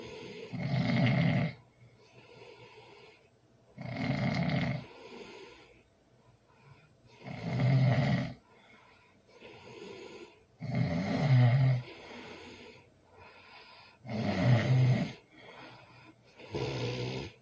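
Loud, rattling snores on each breath in, about 17 a minute, with quieter breaths out between them.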